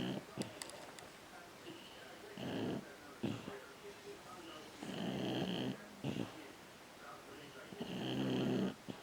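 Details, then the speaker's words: Slow, uneven rasping snores during sleep, about 20 a minute, with faint room noise between breaths; the sleeper is snoring after a hard day doing nothing. "are you snoring are you snoring hey gloopy eyes"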